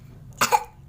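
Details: Someone in a quiet room, possibly a child, coughs once while drawing on a board, with an apology for the cough: a brief double-pulsed cough.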